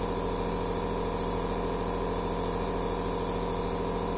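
Steady mechanical hum with a fast rhythmic buzz and hiss from a running aerosol nebulizer.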